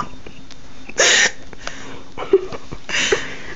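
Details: Hiccups: two abrupt, brief bursts about two seconds apart over quiet room noise.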